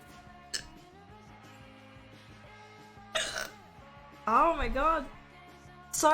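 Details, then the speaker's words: Streamer with hiccups, sore and hurting after eating too fast; over steady background music, several short throaty vocal bursts and a drawn-out voiced belch: burping. "Eating too fast, indeed. I ate way too fast."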